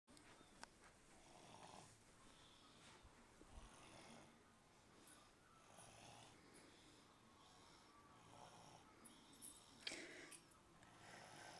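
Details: Soft, rasping snores repeating every couple of seconds over faint room noise; ordinary snoring during sleep.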